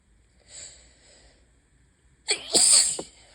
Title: High pollen + open window = lots and lots of sneezes (bad allergy day 1/5)